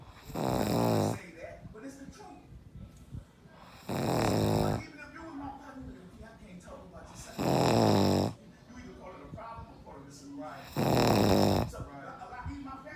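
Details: Loud snoring: four rough snores about 3.5 seconds apart, roughly 18 a minute, with quieter breathing and room noise between them.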